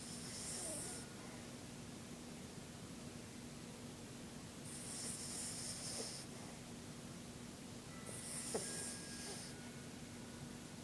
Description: Vickie in her blanket snoring lol